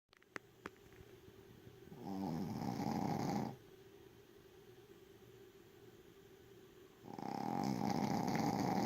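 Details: Loud, rough snoring from a small dog sleeping, which snores like this every night: two inhaled snores about five seconds apart.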